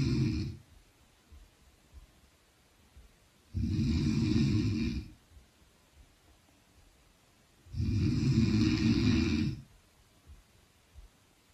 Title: The return of snoring queen!!!